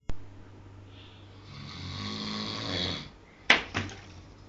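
A single long, rumbling snore on the in-breath, followed by a couple of sharp knocks in a small room.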